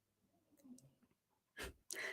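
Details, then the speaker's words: Small dog sleeping beside a desk during carrier-training session makes two loud, rough snorting breaths in quick succession: snoring. "apologize if you can hear pancakes snoring in the background he's right next to my desk"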